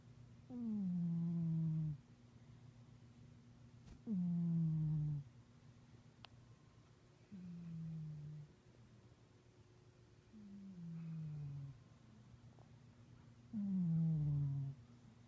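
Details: Five loud, droning snores falling in pitch, about 19 a minute, in a quiet room; loud snoring, not a growl.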